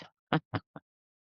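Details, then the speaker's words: A sleeping dog snoring: a few brief, low, rumbling snorts in quick succession. "It's isolation, sanity. That's my dog snoring for effect."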